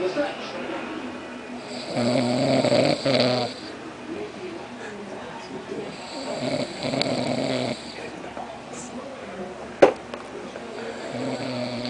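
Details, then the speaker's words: A sleeping person: loud, rough snores with a fluttering rattle every few seconds amid background noise; bystander remarks on how loud the snoring is. "Give me a folder. You're snoring so loud."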